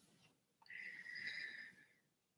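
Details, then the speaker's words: A dog snoring in the background: a single drawn-out, high, whistling breath noise that swells and fades over about a second and a half. "she's snoring like crazy in the background I'm sure you can hear she's like super snoring so if you hear noises it's her"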